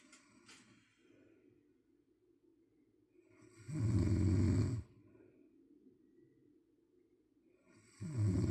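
Two loud, harsh, rumbling snores on the in-breath with quiet breathing between them; snoring.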